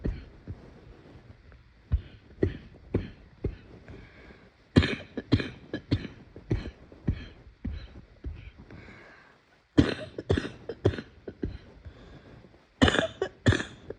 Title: I’m sick and it hurts to cough …￼